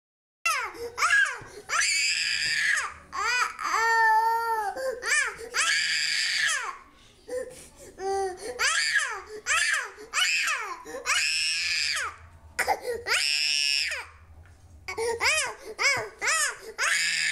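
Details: Infant crying in repeated high, rising-and-falling wails with short breaks, mixed with a few babbled sounds and "oh oh" when things drop.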